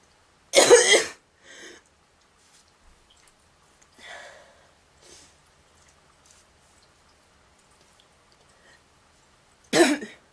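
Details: Girl coughing: two loud, harsh honking coughs about nine seconds apart with softer throaty sounds between; goose-like honking cough.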